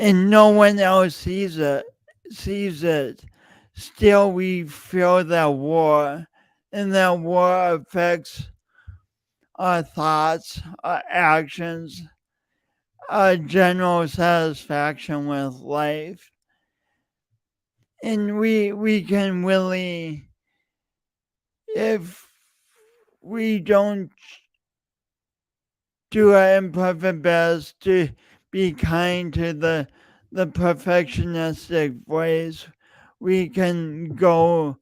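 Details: Adult man with a self-reported speech impediment, present for years and audible whenever he speaks; stuttering-like speech disfluency with repeated words.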